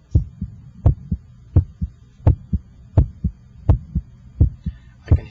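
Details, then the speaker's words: Electronic stethoscope at the apical position (PMI) while the examiner times S1 against the radial pulse: regular paired lub-dub at about 83 per minute, with a louder first sound; normal heart sounds. "your first heart sound and i can hear the second heart sound the first heart sound should have a louder quality in this apical position"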